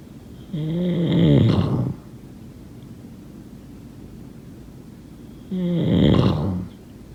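Two loud, rattling, buzzing snores on breathing in, about five seconds apart, with quiet breathing between: ordinary sleep snoring.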